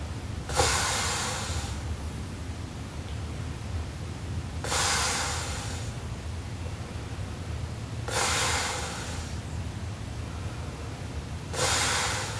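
Slow, loud rasping breath sounds recurring about every three to four seconds, roughly 17 a minute, consistent with heavy snoring during sleep.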